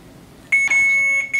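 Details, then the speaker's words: Steady high-pitched electronic beeps repeating from a bedside machine in a quiet room: hospital monitor alert beeping beside a patient hospitalized after a snowboarding accident with collapsed lung and split spleen, with a chest tube. "this thing just keeps beeping"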